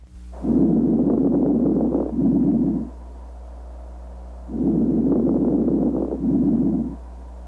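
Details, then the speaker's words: Coarse breath sounds (rhonchi/coarse crackles) as air passes through fluid or mucus: two breaths with a coarse, rattling, bubbly texture. "the sounds produced by breathing change as air moves from the larger Airways [Music] into the smaller Airways breath sounds also change if they pass through fluid"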